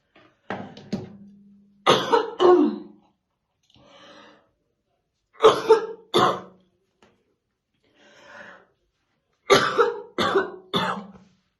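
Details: Woman with a smoker's morning cough while brushing her hair, said to be real, not acted; repeated harsh, deep coughing fits of two or three bursts with quiet breaths between.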